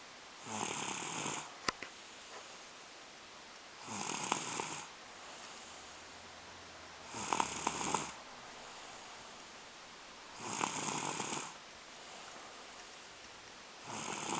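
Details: Two-year-old exhausted and asleep on the couch: hissing, breathy snores about every three seconds, roughly 18 a minute, with quiet between them; ordinary snoring.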